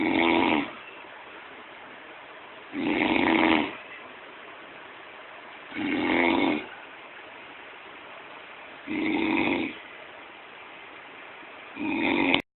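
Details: A man's five regular, loud, rough snores about three seconds apart, roughly 20 breaths a minute, with steady quiet between them; ordinary snoring.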